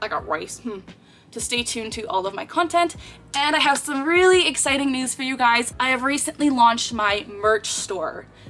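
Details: Girl with Tourette syndrome for over 10 years, producing an involuntary vocal tic phrase she says is out of her control, interrupting her speech; vocal tic (Tourette syndrome).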